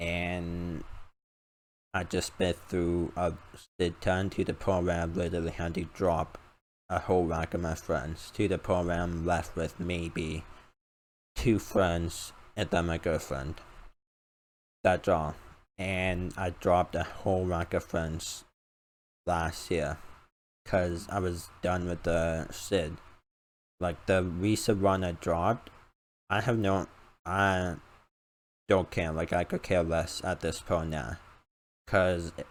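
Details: Male speaker with a self-described uncontrollable speech impediment, improved after about 10 years of speech therapy; formerly used an iPad button talking device, not used for almost three years; speech impediment.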